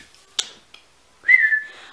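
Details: A sudden short whistle after a click: a simple vocal tic in a person with a tic disorder ("Tourette-ish"), recorded on a very ticky day that they link to cold weather.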